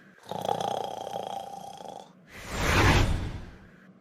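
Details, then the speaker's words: Animated (Plotagon) character, simulated sound effect: one loud, rattling inhaled snore followed by a noisy exhalation; snoring. "well sleeping on your back it makes snoring worse i read"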